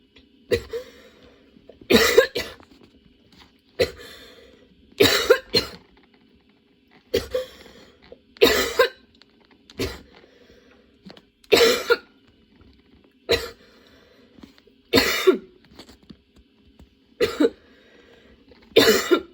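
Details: Prolonged coughing fit of sudden onset that kept worsening, bringing tears and repeated changes of position; repeated harsh coughs in pairs every couple of seconds, about a dozen bursts without pause; the person reports their lungs struggling.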